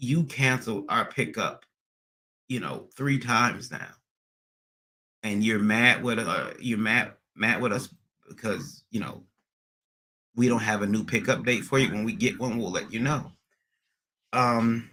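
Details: Acquired neurogenic stuttering in an adult male after a recent transient ischemic attack (MRI and another scan showed slight damage), under neurologist care with physical, occupational and speech therapy; speech not fully recovered, occasional stuttering persisting almost a year later.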